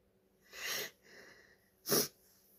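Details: Female with suspected allergies/hay fever: a breathy, drawn-out first sneeze, then a sharp, explosive second sneeze a moment later in a quiet room; sneezing.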